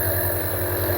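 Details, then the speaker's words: Nebulizer compressor running during a demonstration for a boy with a slight cough, nebulizing water rather than medicine: a steady low mechanical hum with a constant buzzing drone. "تو یہ نیبولائزیشن ہو رہی ہے جی، یہاں بھی دکھائیں، 1 minute یہاں چھوڑیں ذرا. یہ پانی ہے، جب تک پانی ختم نہ ہو ہم یہ کرتے رہیں گے."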